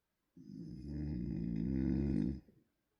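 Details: A single loud, low, rattling snore lasting about two seconds; snoring.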